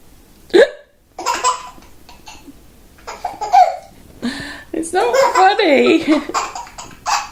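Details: A 9-month-old baby laughs at his mother's hiccups: sharp, brief catches of breath among bursts of infant laughter and adult voices; hiccups.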